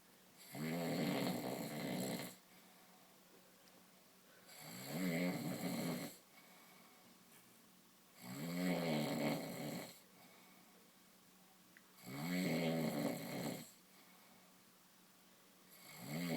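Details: Loud, rough, rattling snores on each in-breath, about 15 a minute, with quiet pauses between; snoring during sleep.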